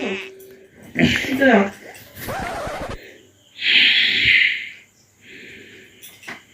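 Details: Loud, exaggerated snoring from an adult husband in a comedy sketch, acted, with brief room sounds; wife complains it keeps her awake.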